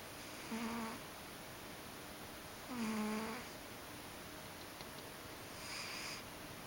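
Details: Ragdoll cat (named) sleeping comfortably, giving three soft, tonal snores a couple of seconds apart; ordinary harmless snoring at rest.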